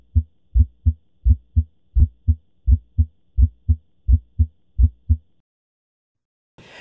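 Regular heart sounds at about 85 beats a minute, with the first sound of each beat split into two close components: a split first heart sound.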